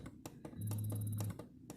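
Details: Spectra S2 Plus electric breast pump at its lowest pre-let-down setting: quiet, barely audible low hum with soft rhythmic clicks.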